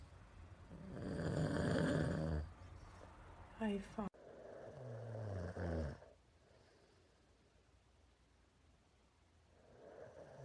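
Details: Nasal snoring during sleep in an adult man, a former reality-show contestant: two long, droning nasal snores with a fluttering quality, separated by a quiet pause.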